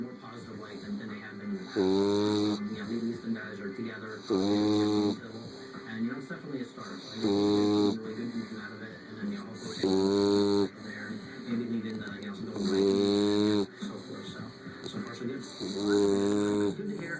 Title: Snoring bulldog